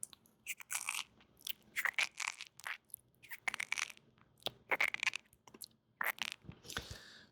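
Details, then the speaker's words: A vocal imitation of crackles heard through a stethoscope in a child during paediatric auscultation: short bursts of dry crackling, which could mean pneumonia or bronchial obstruction. Imitated, not a real recording. "Cómo suena cuando tiene crepitantes Podría ser neumonía o obstrucción bronquial no"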